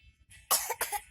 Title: Lucu Mau ketawa malah batuk